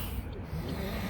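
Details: Loud, low, rumbling snore with a snorting, rattling quality from a sleeping adult, amid onlookers' laughter; snoring.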